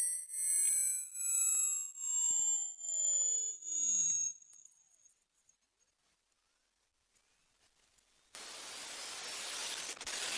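Repeated high-pitched tone sweeps, pulsing about once a second, then silence and faint hiss; a simulated age-related high-frequency hearing test.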